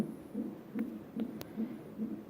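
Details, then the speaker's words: Fetal hiccups on the fetal heart monitor during labor induction with Cervidil, mother a fingertip dilated and not effaced: rapid whooshing fetal heartbeat about 150 a minute with sharp clicking jolts. "I don't know if you can hear her heartbeat. We got some hiccups going on."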